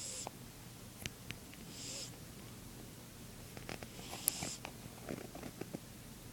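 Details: A sleeping mother cat breathes with a soft, steady low rumble and a faint whistling hiss on some breaths, with small clicks and quiet room noise; snoring.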